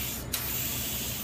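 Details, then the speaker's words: Bronchoscope suction clearing excess secretions in the left airway of a patient with bronchiectasis: steady hissing, rushing suction noise. "it's Justus secretion what I'm going to do initially just clear out"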